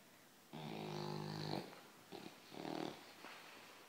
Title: Dog snoring